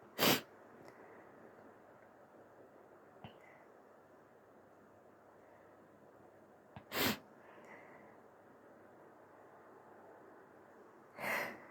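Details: Human sneezing: a few false starts, then three short, soft sneezes over about twelve seconds with quiet sniffs between, and a little nose blow or tissue wipe at the end, in a quiet room.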